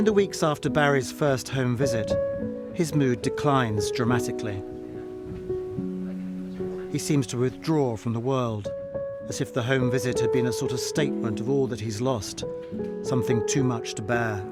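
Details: Adult male narrator; normal speech.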